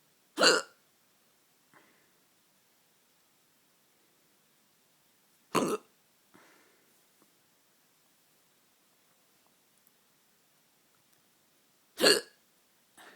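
Three sharp, abrupt hiccups about every six seconds, with quiet breathing between; a regular bout of hiccups.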